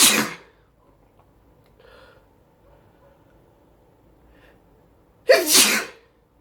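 Two sharp, explosive sneezes separated by several seconds of near silence. Sneezing.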